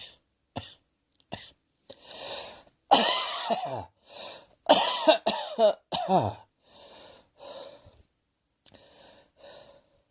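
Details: Repeated coughing: a series of about a dozen harsh coughs, some in quick pairs, with short gaps and brief throat noises between.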